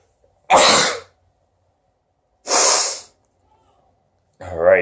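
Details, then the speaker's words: Two sharp, explosive sneeze bursts about two seconds apart from a man who sneezed with his mouth open, pepper at hand in case sneezing failed, followed by a brief voice; ordinary sneezing. "all right so I know I didn't sneeze with my mouth closed I'm terrible"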